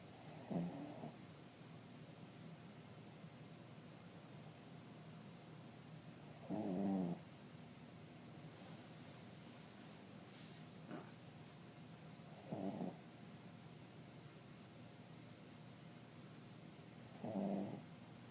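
Soft, rhythmic snoring bursts about every five to six seconds, roughly 10 a minute, over quiet room noise; ordinary snoring in a sleeping dog.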